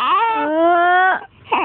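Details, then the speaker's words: Baby who wants to be picked up and carried, sustained tonal cry rising into a steady wail, then a brief pause and a fresh breath; typical infant cry. "Iiyak na oh ha Bakit iiyak"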